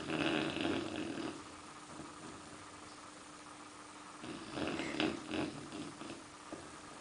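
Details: Four-month-old Bernese mountain dog puppy snoring at night: rough, buzzing breathing noises in two bursts with a quieter stretch between, during sleep.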